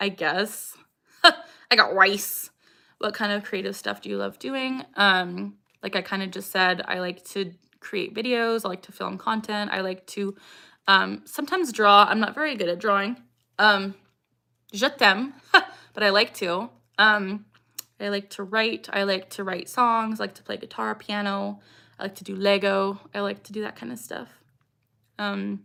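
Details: Vocal tics (Tourette syndrome) in a 26-year-old woman; the tics include a repeated phrase that she says came from something an ex-boyfriend said.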